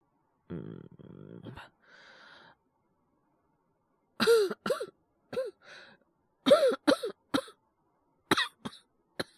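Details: Acted (voice actor, all performance) male character with a cold and fever: a voiced groan, then clusters of about nine short, harsh coughs in a quiet room.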